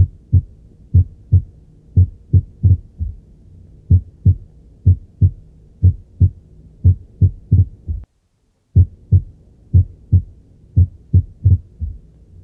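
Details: Heart auscultation showing ventricular extrasystoles: irregular rhythm with early extra beats breaking the regular pattern, then a brief pause.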